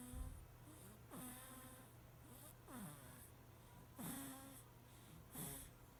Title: Baby snoring